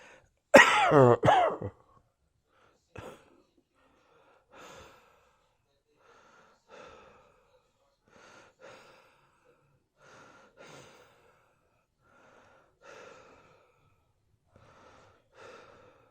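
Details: Harsh burst of coughing followed by repeated soft breaths with a faint whistling, musical wheeze: cough with wheezing.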